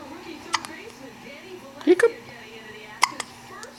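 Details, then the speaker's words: Boy demonstrating hiccups: about three sharp, abrupt hiccups interrupting low background talk, recorded on a Canon PowerShot SD990 IS camera. "He's got the hiccup. Hiccup. Hiccup."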